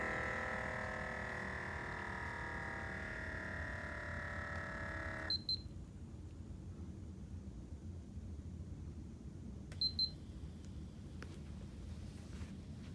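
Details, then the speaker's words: Automatic blood pressure monitor taking the third of three cuff measurements: motor hum stops, followed by paired electronic beeps. "so we'll count down between each measurement and it will measure your blood pressure three times"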